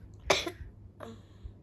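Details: Child who is a little unwell coughs: one sharp cough followed by a softer second burst, in a quiet room at bedtime.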